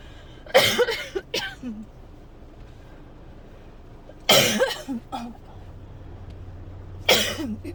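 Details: Adult who woke up coughing, has barely stopped and is likely getting sick: three short bouts of two or three harsh, dry, non-productive coughs with quiet pauses, a dry coughing fit.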